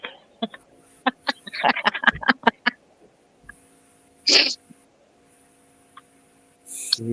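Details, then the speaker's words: Person sneezing during a live-streamed panel discussion, a sneezing fit. "darn it do I got a sneezing fit can you hear me okay guys"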